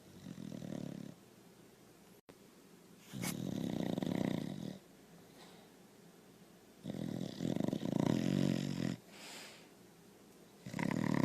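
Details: A sleeping dog snores with steady, loud, rattling snores on each in-breath, about 17 breaths a minute, with quiet pauses between. Snoring.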